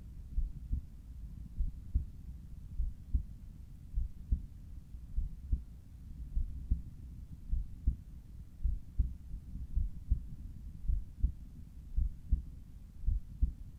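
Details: Morning heart sounds at the apex through a Littmann Cardiology IV stethoscope: regular low lub-dub at about 52 beats a minute.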